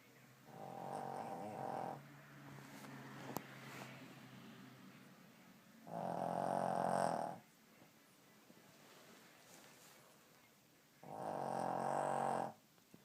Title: Snoring dog